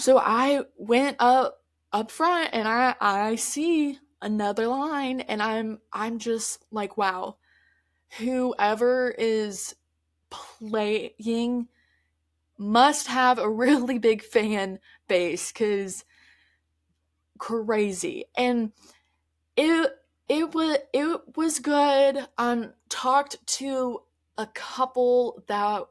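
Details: Adult woman who stutters, mostly with repetitions and prolongations of words, speaking conversationally; stuttering.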